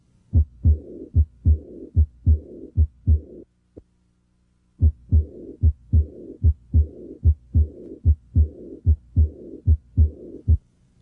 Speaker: the high-pitched diastolic murmur of aortic regurgitation if the patient had this murmur it would sound like this